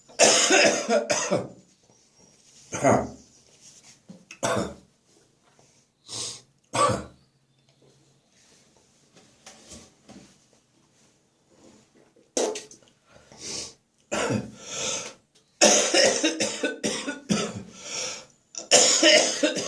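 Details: Spring cold, cough settled in the chest: repeated deep, harsh coughs in bouts, described as deep and wet; wet productive cough.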